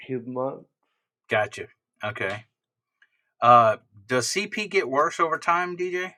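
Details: Adult speaker; ordinary speech.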